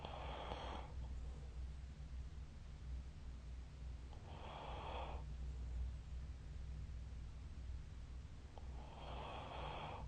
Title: 🐽 Snoring Sleep Sound